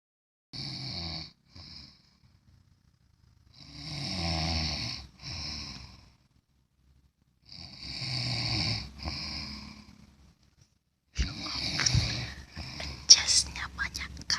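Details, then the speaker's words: Person snoring loudly with the mouth open during sleep: rattling snores on breaths in, with quiet pauses between, then room noise. "net net enak ngorok bang. Net net waduh, tutup mulutnya."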